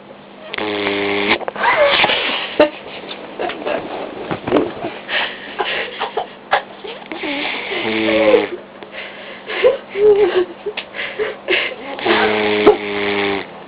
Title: baby vizsla snoring